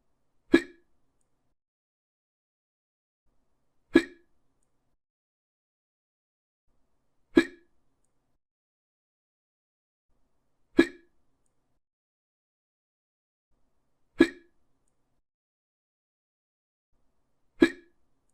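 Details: Hiccups in someone who reports hiccuping a lot: six short, sharp, evenly spaced gulping clicks, about 18 a minute, in silence.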